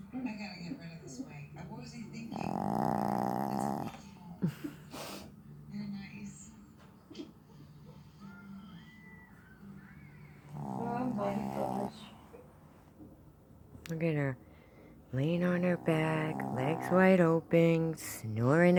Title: Diamond Snoring Up A Storm